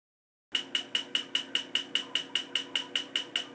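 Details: Laser tattoo removal in progress: rapid regular sharp snapping clicks, about 150 a minute, each with a brief high tone, as the laser fires pulses.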